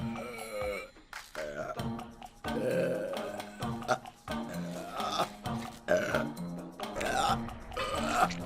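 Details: From a burp compilation: a string of long, low, rumbling belches, several in a row, with music in the background; repeated burping.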